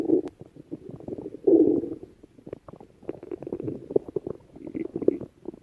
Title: Lal Mirch’s stomach growling